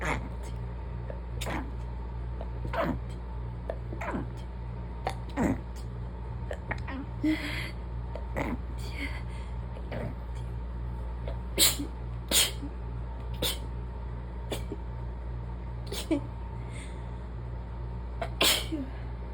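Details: Allergy fit: many rapid, desperate, barely stifled, muffled sneezes in quick succession over a steady low hum, with too little air to stifle properly.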